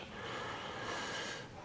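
A single rough, noisy nasal blast lasting over a second: a snort.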